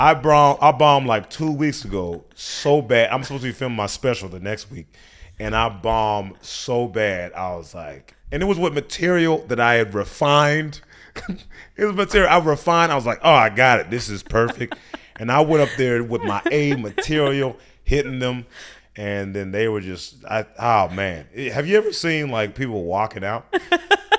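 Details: Adult male speaker; typical speech.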